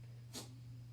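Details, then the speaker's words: Pet ferret sneezing: a single short, sharp, hissy burst; owner wonders if it snuffed up dirt, and it sneezed repeatedly. "I don't know if they snuffed up dirt, but that's them sneezing. It sounds like Coda."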